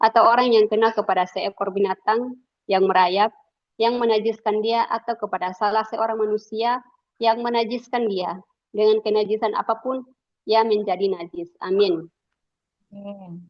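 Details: Adult woman reading aloud; normal voice.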